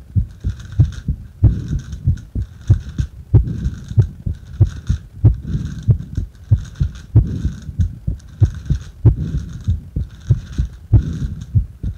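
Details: Heart sounds during bag breathing: regular low thumps at about 95 beats a minute with faint steady breathing noise behind.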